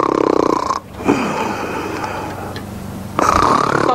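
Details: Strong, loud snoring from a sleeping person whom the speaker calls "my son" and jokingly tries to wake, with laughter: snoring.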